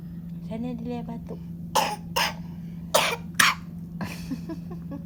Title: tak sihat batuk